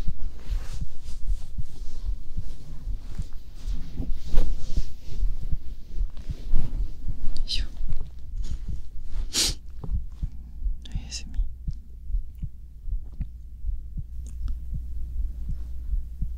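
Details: Heartbeat recorded binaurally while lying down to sleep: muffled, steady low thumps under rustling bedding, possibly with stomach sounds; normal heart sounds.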